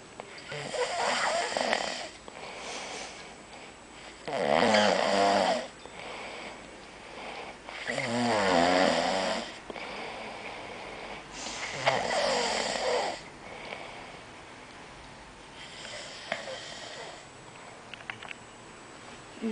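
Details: Man who denies snoring, snoring heavily: loud, rough, fluttering snores about 16 a minute, somewhat irregular in strength, with quieter breaths between.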